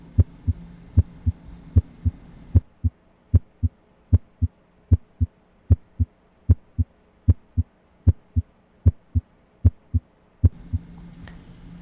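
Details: Systematic cardiac auscultation with stethoscope diaphragm, heard at the point of maximal impulse (apex): regular paired lub-dub thumps about 75 a minute with faint hum at start and end; normal heart sounds.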